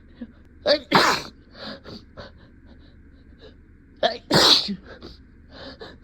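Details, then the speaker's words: Induced, acted sneezes in a comedy skit about denying a cat allergy by someone mildly allergic to cats in real life: two loud sneezes, each after a quick catching in-breath, with soft voiced sounds around them. "thank you oh oh maybe maybe I am a little maybe I a little allergic to it"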